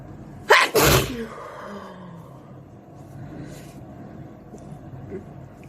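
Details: Close-up sneezing provoked by a Q-tip (chhinkni): one sharp, explosive double-burst sneeze, then quiet breathing and room noise; sneezing.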